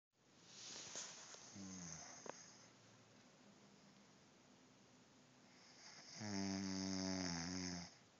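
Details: Two loud, rattling, throaty snores on inhalation with quiet breathing between; ordinary snoring.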